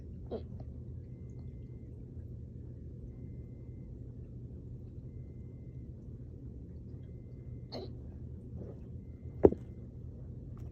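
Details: About four faint, brief gulping clicks at irregular gaps over a steady low room hum: quiet hiccups held in with the mouth closed, after an intense workout, drinking water too fast and burping.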